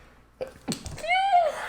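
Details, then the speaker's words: A few quick breathy catches then one tiny, squeaky, high-pitched sneeze from an adult in a quiet room, described as the cutest little sneeze. "like the cutest sneezes ah the [ __ ] cutest sneezes in the like goddamn little rat that's what i sound like like a like a small elf"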